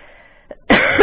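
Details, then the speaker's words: A soft throat sound, then one short, mild cough from an adult with a breakthrough COVID-19 infection after two Pfizer vaccinations, who also has a mild sore throat, stuffy nose and sinus pressure. "really quickly i have a sore throat but it's pretty mild i have a little stuffy nose but it's not running it's just kind of a little bit of sinus pressure and i have a cough it's not too bad"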